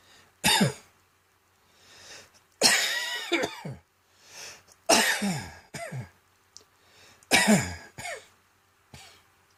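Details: Adult's seasonal dry cough from a throat tickle on cold, damp autumn mornings, expected to progress to a cold, throat infection and bronchitis: four harsh, dry cough bursts, some doubled, with quiet breaths between.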